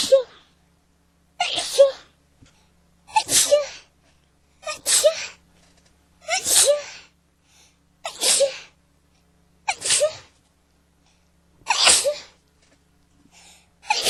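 A run of nine sharp sneezes about every 1.5 seconds, each with a quick intake before it, a sneezing fit.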